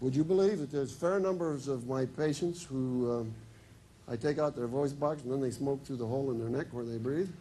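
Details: Adult man; typical speech.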